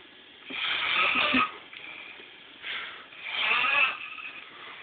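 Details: Harsh, raspy snoring in two rattling cycles, recorded on a phone with a thin, tinny quality.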